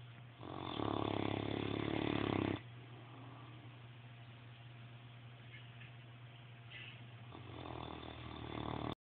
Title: Snore some more ..